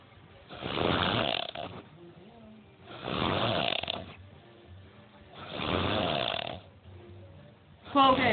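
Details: Loud, rough snores on each in-breath, about three in eight seconds, with quiet gaps between; tired sleeper snoring loudly, ordinary snoring.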